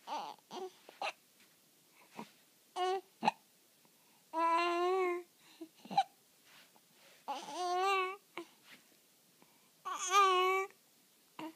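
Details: Infant with hiccups, unhappy about them: babbling and fussing broken by about five brief, abrupt hiccup catches spaced through the vocalizing.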